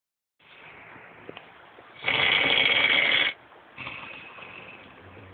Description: Beauty and the beast snoring EVERYTHING SOUNDS CUSTOM